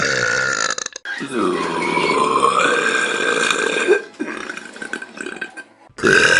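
A long, loud, rumbling burp held for several seconds, with a shorter burp after it; deliberate belching.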